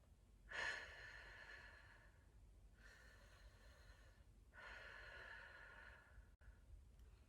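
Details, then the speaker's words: Pursed-lip breathing exercise for chronic cough suppression: slow, airy breaths drawn in as if through a straw and blown out through slightly open, pursed lips as if blowing out candles. "पहला साँस लेने का व्यायाम pursued lip breathing व्यायाम है। आप अपने होठों को थोड़ा खुला और सिकुड़ा हुआ रखेंगे ।"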